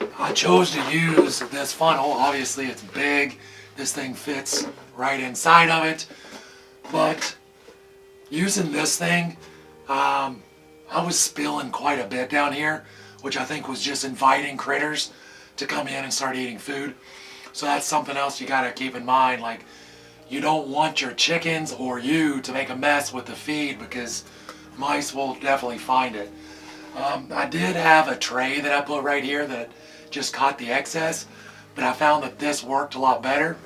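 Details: Adult male with vocal cord paralysis from surgery that damaged throat nerves and paralyzed the muscles acting on his vocal cords, making talking hard; he hopes it is temporary; vocal cord paralysis.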